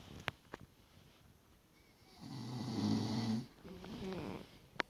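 A low rattling snore on one long breath, followed by a softer one, with a few faint clicks around them.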